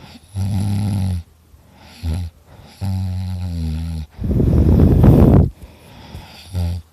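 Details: Self-recorded heavy snoring from an exhausted person: loud, rough, low-pitched snoring in long buzzing breaths, one a harsh rattling snort.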